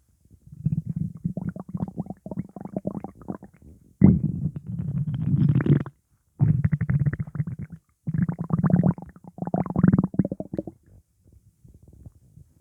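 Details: Stomach rumbling after eating pizza, with gassiness: long, low, rattling rumbles in several waves with short pauses; loud borborygmi.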